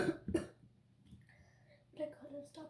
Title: chill time.sorry about the coughs